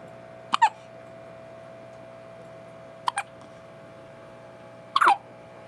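Three sharp, brief hiccup sounds about two seconds apart in a quiet room; typical infant hiccups.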